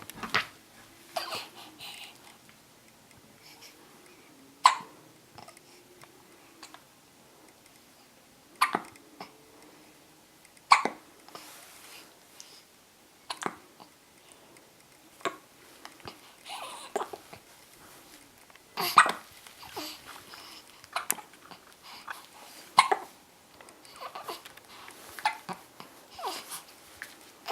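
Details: An infant hiccups repeatedly, with short sharp bursts every few seconds and faint soft vocal sounds between them.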